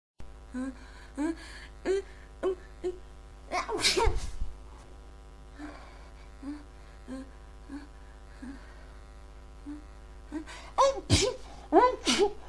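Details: A huge sneezing fit of roughly a dozen repeated voiced sneezes with gasping in-breaths between them; the person is unsure whether it is a cold or allergies.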